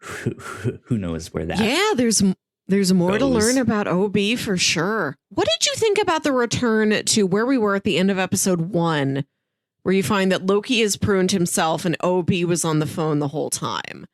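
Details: Adult speaker; typical speech.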